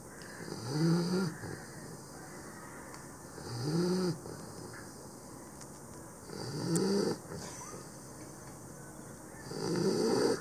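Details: Pit bull puppy, very tired after a big day, snoring in sleep: regular rasping, whistling snores about every three seconds, roughly 20 breaths a minute, over steady room noise.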